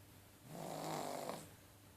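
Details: A pug, a short-nosed dog, snoring: a single loud, rattling snore on one breath, rising and fading over about a second.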